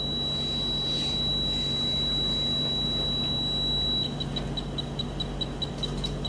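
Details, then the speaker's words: Steady high tone turning into rapid repeated beeps over room noise: the apex locator alarm of a Woodpecker Endo Radar rotary endodontic motor, signalling the file has reached the root apex. "اسمعوا الصوت يتغير. اول ما توصل لابكس بيعطيك ايش؟ انذار. فعشان كذا اقول لكم دائما في الابكس لوكيتر الصوت مهم جدا."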